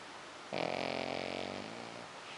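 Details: Pekingese dog asleep: a single loud, rattling, buzzy snore about one second long against quiet room noise; snoring.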